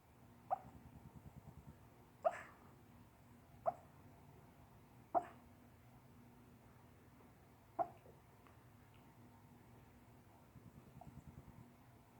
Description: My dog had hiccups so i started recording